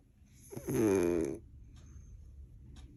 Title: My Aunt snoring part 2